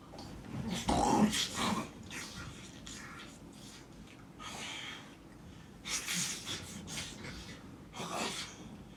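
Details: Simulated snoring performed for a comedy skit about a spouse whose snoring keeps the partner awake: loud, irregular snorting snores with raspy breaths.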